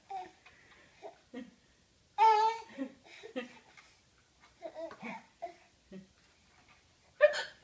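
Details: Grandmother's hiccups with her baby grandson reacting: brief, abrupt voiced adult hiccup catches recurring among the infant's babbling and giggles in a quiet room.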